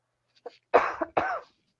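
An adult gives a brief run of coughs: a soft lead-in, then two loud, harsh bursts.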